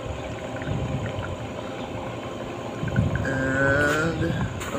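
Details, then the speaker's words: Respironics EverFlo oxygen concentrator running after a capacitor replacement, with the flow meter set to level five: steady machine hum, continuous low gurgling humidifier bubbling and a brief whining tone. "okay here we have the flow meter we're going to adjust this one so it's higher level level five okay and as you can see there's humidifier that is bubbling up"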